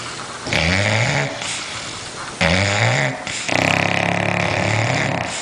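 Loud, rough, rattling snores from two sleeping dogs, the sounds overlapping in an uneven rhythm. Snoring.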